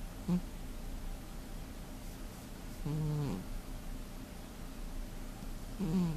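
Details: Heavy-sleeping cat that snores every day: short buzzing snorts recur every few seconds over steady low room noise; snoring.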